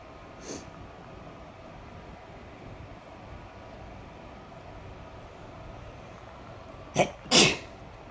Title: Sneezing a bit